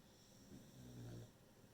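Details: A beagle, tired from its owner working from home, sleeps and gives a single low, rumbling snore with a steady room hum behind it. Snoring.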